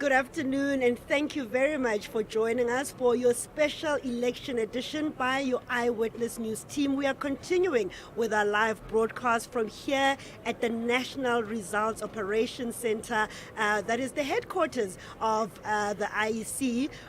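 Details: Adult female news presenter; typical voice.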